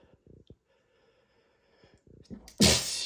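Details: Sneezing from an allergy flare triggered by dust while cleaning: short catching breaths building up, then one loud, explosive sneeze in a small room.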